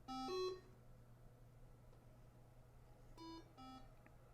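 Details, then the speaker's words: Short electronic alarm tone sequences over a steady low hum from a Cardiohelp ECMO console just after power-on, during an instructional walkthrough of the console. "already it has some alarms and we're gonna go through the all the real estate that they have on the screen here and the buttons they have on the side as well"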